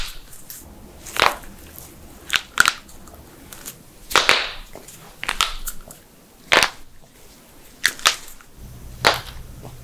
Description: Amazing Knuckle Cracking - Loud Knuckles Popping Compilation